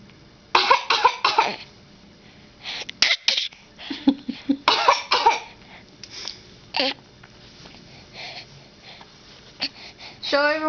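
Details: A child's voluntary fake cough: a series of short, deliberate coughs in a small, quiet room.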